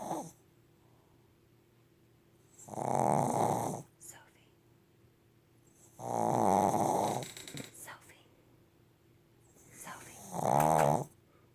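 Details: Three loud, rattling inspiratory snores, about 17 breaths a minute, with quiet room hum between: snoring.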